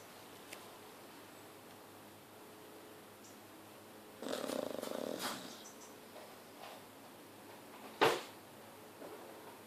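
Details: Chow Chow dog asleep in a quiet room, giving one rough, fluttering snore followed by a brief sharp click: snoring.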